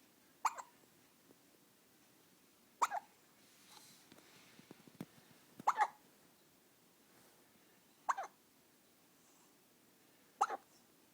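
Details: 14-day-old baby hiccuping after feeding: five brief, sharp hiccups about every two to three seconds, roughly 25 a minute, in a quiet room.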